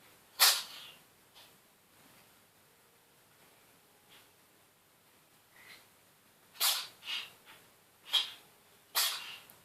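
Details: Cat sneezing constantly during a cold lasting a few days (later recovered): four sharp, hissing sneezes with soft breathing between them.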